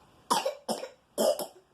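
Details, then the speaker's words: Three short sharp coughs in quick succession, the last doubled, from a child; brief bout of coughing. "today i will be making a cough remedy getting some honey ginger and lemon and putting that together letting that sit for a few hours"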